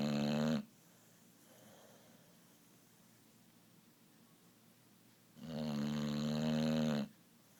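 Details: Boxer dog snoring loudly while asleep: deep, rumbling snores on breathing in, with quiet pauses between.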